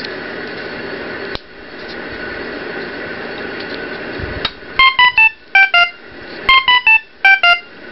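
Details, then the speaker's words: Ohmeda Trustat 3500 pulse oximeter alarming with no patient attached, heard as repeated groups of falling three-tone beeps over room hum; a silence button stops the alarm only for a few seconds. "is a silence button where the red light flashes I can hit that and it wouldn't make it stop alarming but that's only just for you know a few seconds"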